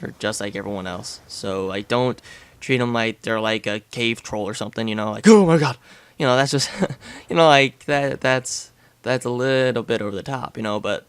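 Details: Adult male speaker; stuttering.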